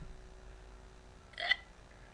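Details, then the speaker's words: Hiccups during a bout, talking and laughing with a friend: a single abrupt hiccup in a quiet room after a pause. "it's like almost two minutes of just me hiccupping well watch this get a thousand views well I can't control when I get the hiccups"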